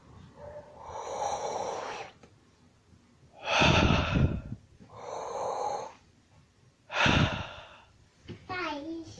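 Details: Lung auscultation with a stethoscope on a real female patient's posterior chest during a teaching demonstration: slow, regular breathing with soft airy inhalations and louder, fuller exhalations, no wheeze or crackles; normal breath sounds.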